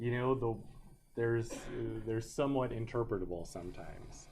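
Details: Adult male lecturer; normal speech.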